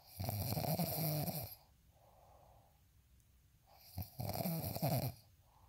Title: snoring asmr sound 142